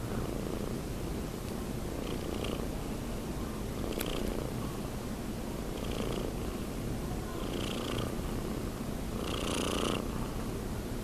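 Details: Almost 6-month-old cat, asleep: continuous low rumbling breath noise with faint soft snores over steady background hiss; harmless cat snoring.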